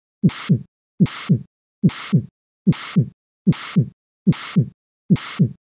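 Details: Simulated heartbeat at about 73 a minute with a steady holosystolic murmur filling the whole gap between S1 and S2, an audio sample for teaching.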